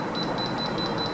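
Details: FreePex sixth-generation apex locator in a review demonstration: rapid repeating high-pitched beeps as the file advances in the root canal toward the apex reading.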